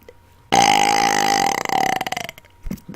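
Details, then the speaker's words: Deliberate, on-command burping into a Blue Yeti microphone during burp-talking: one long, loud, croaking belch lasting about two seconds, ending in a rattling tail. "I am burping into my blue Yeti Mike so the sounds may get intense if you're listening on a head phone or headset make sure you adjust the sounds"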